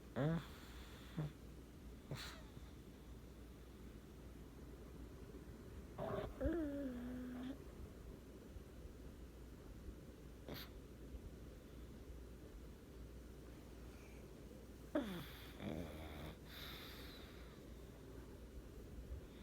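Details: Sleeping pet in a quiet room: a few soft, low, rattly breath noises and brief squeaky sounds; light snoring.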